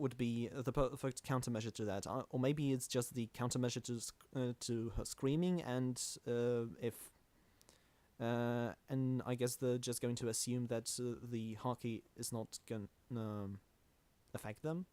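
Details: Stuttering in a male podcast host who calls himself the stammering host.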